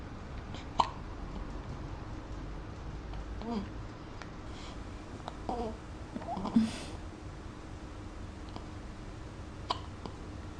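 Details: Infant having one of her many hiccup spells: several brief, sharp hiccup catches at irregular intervals over quiet room noise.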